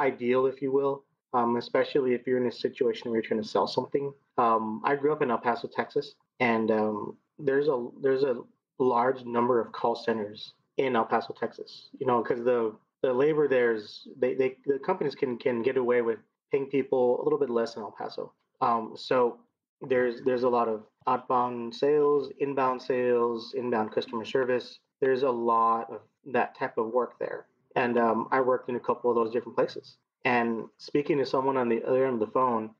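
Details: 39-year-old man who has stuttered as long as he remembers, with speech therapy through elementary school until discharge after 7th grade; he has blocks and uses word repetition to get past them, with audible repetitions; stuttering.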